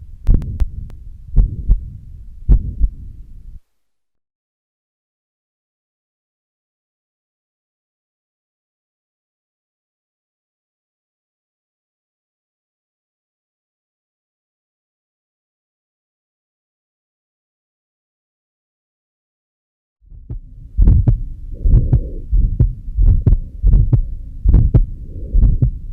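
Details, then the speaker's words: Combined mitral stenosis and regurgitation: fast, somewhat irregular heartbeat near 90 a minute with pansystolic and mid-diastolic murmurs, heard in two stretches with a long silence between. "you will be able to detect a murmur during sisterly which is often pan-systemic and a diastely which is mid diastolic signifying then there is a combination of mitral stenosis and reduction in the given cvs short case"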